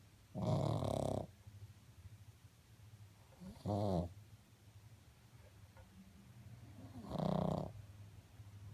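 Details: Three loud, rough, rattling snores from a sleeping pug, about 20 a minute and fairly regular, with quiet breathing between them: snoring.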